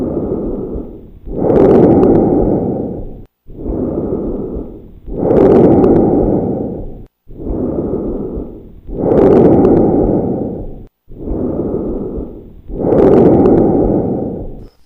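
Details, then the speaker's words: Normal bronchial (tracheal) breath sounds over the large airways: loud, hollow, tubular breaths about 16 a minute, expiration louder and longer than inspiration. "or trach sounds that you just listen to are heard on the chest sites which are close to the large Airways"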